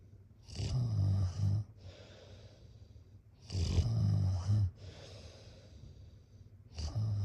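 Loud, low, rattling snores on each breath in, with quieter breaths out, about 20 breaths a minute.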